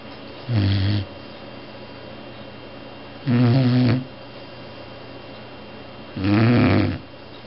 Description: chow2 snoring